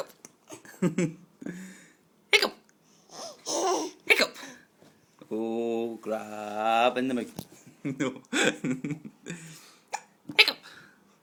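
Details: Adult man (dad) with hiccups: repeated sharp, brief hiccup sounds mixed with a baby's giggling and babble.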